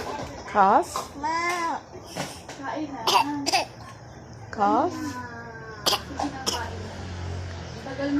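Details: Infant drinking water makes several short, deliberate pretend coughs between sing-song babbling; voluntary play cough.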